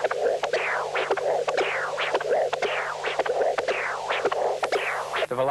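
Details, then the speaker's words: CW Doppler of a ball-cage mitral prosthesis, implanted 5 years, patient in sinus rhythm: rhythmic whooshing flow with sharp valve clicks, about 57 a minute; early peak 1.5 m/s, atrial peak 1.8 m/s, no end-diastolic gradient. "the early velocity Peak is 1.5 m/s and the atrial velocity Peak is 1.8 m/s the enddiastolic velocity at the closing click is much lower 0.3 m per second indicating no n diastolic gradient"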